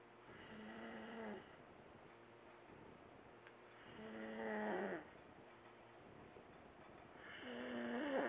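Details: Sleeping baby snoring: soft, rhythmic rattling snores on each breath in, about 17 a minute, in a quiet room.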